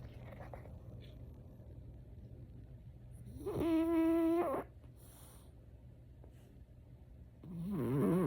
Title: Lazy Sunday mornings and frenchie snores!